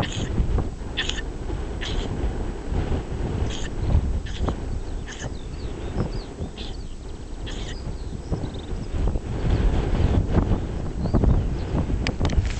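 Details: A young sheep on the hills of Dorset gives a series of short, sharp nasal sneezes over heavy outdoor wind noise; it reportedly sneezed for about 5 minutes.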